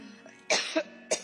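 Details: Three short, harsh adult coughs in quick succession, a brief coughing fit over a faint steady hum, from a woman testifying at a hearing.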